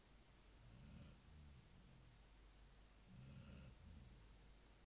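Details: Sleeping Labrador dog that snores every night: two quiet, low snoring breaths over a steady hiss; ordinary nightly snoring.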